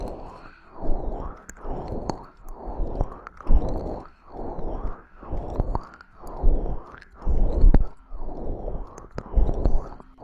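Soft, regular low thuds at about 50 a minute with faint clicks over them, like a slow heartbeat.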